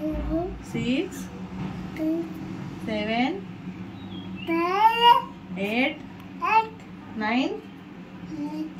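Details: Child with cerebral palsy and speech delay, counting from one to ten on prompting with dysarthric speech, while under homeopathic treatment reported to have improved speech, sitting and walking.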